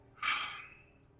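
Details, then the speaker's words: Streamer hiccupping while gaming, recorded on a stream microphone; hiccups. "hiccups I don't know how bad that sounds in the Stream I don't think I've ever recorded myself with Hiccup hiccups before"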